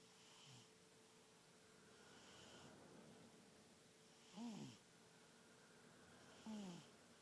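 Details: Light snoring from the largest of a group of sleeping animals: soft, faint snoring breaths recurring every couple of seconds, some with a quiet squeaky whistle.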